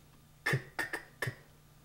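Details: Stuttering with tense repetitions in a person who stutters, practicing the pull-out technique on the word 'car' with a little tension and being told to release the tension gradually.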